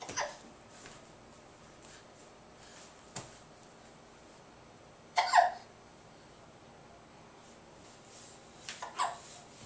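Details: Hiccups in a 9-month-old girl who is crawling: several brief, sharp, spaced bursts in a quiet room, about four over ten seconds.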